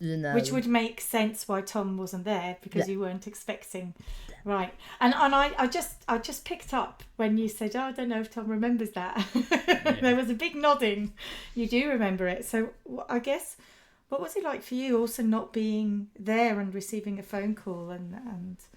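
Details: Adult woman speaking; typical speech.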